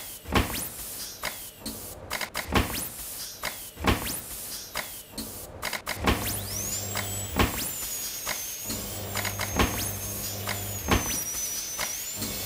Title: Dental Instruments